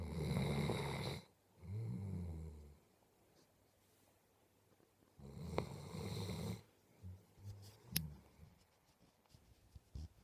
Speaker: you are a big snoring lump you are a big snoring lump